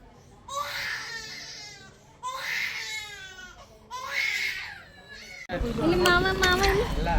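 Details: Repeated loud, drawn-out wailing cries with sharp gasps between, then a higher strained cry: a baby crying in pain during a first ear piercing at a clinic.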